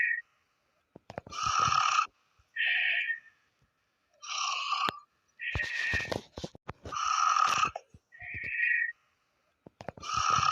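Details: Snoring of a sleeping person, labelled as a mother.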